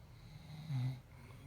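A soft, brief, low purring snore during one breath from a sleeping kitten, with quiet breathing around it.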